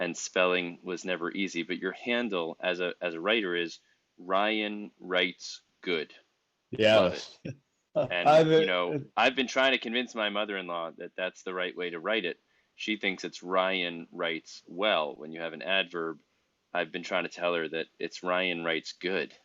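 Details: Adult male speaker; typical speech.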